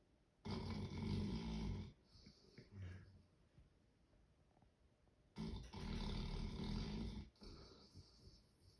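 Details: Snoring dog: two long, rough, rattling snorts a few seconds apart, with quieter breathing and small grunts between them.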